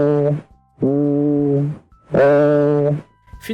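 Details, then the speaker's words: Voice auscultation over a pleural effusion: the spoken sound becomes metallic and nasal like a goat's bleat, with "ee" heard as "ay"; egophony. "ao ouvir na região do derrame pleural percebe-se que o som torna-se mais metálico e anasalado lembrando um balido de cabra fazendo com que a pronúncia do I apareça um e"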